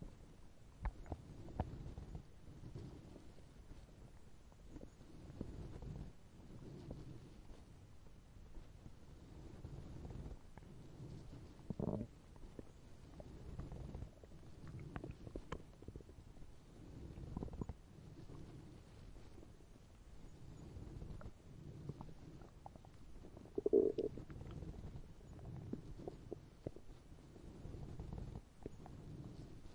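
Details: Sound-effect recording of hunger stomach growling: low gurgling rumbles come and go, ordinary hunger-related borborygmi, a normal digestive sound.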